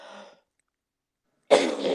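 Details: Person who has just taken medicine, coughing hard: a brief throat-clearing sound, then a silent gap and the start of a harsh, forceful cough.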